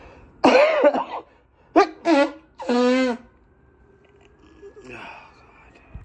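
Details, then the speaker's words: Adult with a stuffed-up head during a third head cold in four months, stifling sneezes into a handkerchief: several short, muffled, voiced bursts in a quiet room. "Oh, when I sneeze, when I blow, I always have to sneeze right now."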